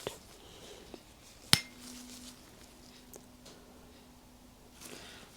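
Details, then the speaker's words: Simulated tuning-fork hearing test (ASMR roleplay): a patient with unilateral hearing loss from a suspected left-ear wax plug. A sharp metallic strike, then a steady low hum, and the patient reports hearing it only on the right. "聴力検査で確認させてください。音叉を鳴らしてみます分かった、右と左どちらでよく聞こえるか、それとも左ではまったく聞こえないか教えてください"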